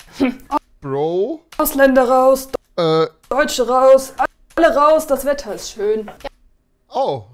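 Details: Woman, a paramedic and medical student with Tourette syndrome, producing vocal tics during a home interview; vocal tics (Tourette syndrome).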